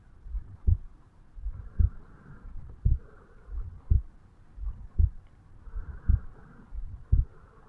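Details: A 35-year-old male self-records his heartbeat at the mitral (bicuspid) valve area on waking in the morning: steady low thumps at about 55 beats a minute, an ordinary resting heartbeat, normal heart sounds.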